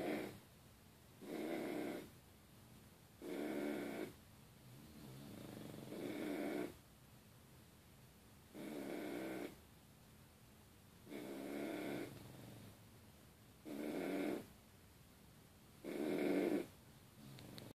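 Regular rhythmic snores, about seven in eighteen seconds, each a low rattling breath in sleep, with quiet pauses between.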